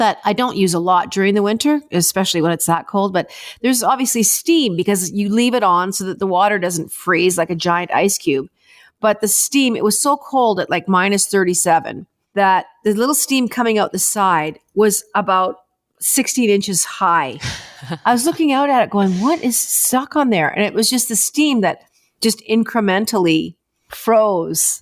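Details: Adult woman speaking; normal speech.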